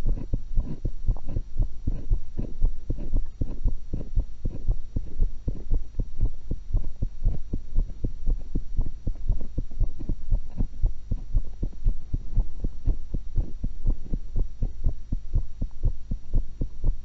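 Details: Own heart recorded through a stethoscope while eating an apple and a cucumber: steady low paired heartbeats at about 60 a minute over a low hum and chewing noise; normal heart sounds.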